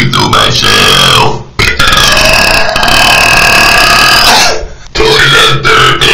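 Long, loud, rumbling burps, each drawn out over a few seconds, with brief pauses between them.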